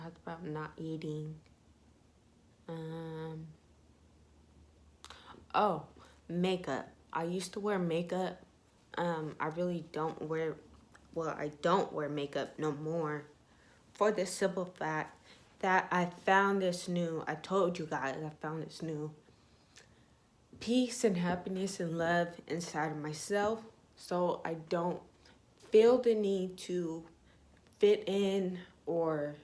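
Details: Young woman with ataxia (self-reported type 46), symptom onset in her junior and senior years of high school, with leg shaking, poor balance and twitching; she says her voice trembles whenever she talks; voice tremor (ataxia).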